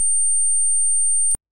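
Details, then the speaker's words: Simulated tonal tinnitus, one the audiologist personally suffers from, first of seven common tinnitus types: a steady, very high-pitched pure beep, a constant ringing tone in the ear. "पहला tinnitus का प्रकार है जिससे मैं व्यक्तिगत रूप से पीड़ित हूं।"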